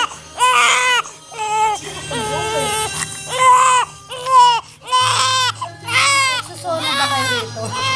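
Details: Infant crying, described as very angry with a very red nose: loud, high-pitched, rhythmic wails, roughly one cry a second, with a low hum in the background; ordinary crying.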